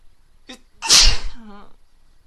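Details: Woman stifling a sneeze; a short held-back sneeze, then one full forceful sneeze trailing into a voiced sound.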